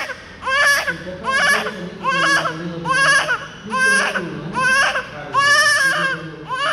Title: why 🤯 painishing newborn baby because some reason check it